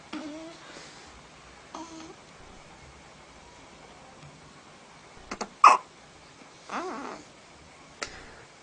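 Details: Hiccups: several brief, abrupt voiced catches spaced irregularly in a quiet room.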